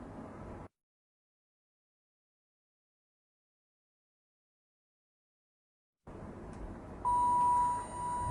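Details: Training AED unit switched on in a simulated adult resuscitation demo of the Mediana A15 AED: room noise cuts out, returns, then a steady electronic switch-on tone.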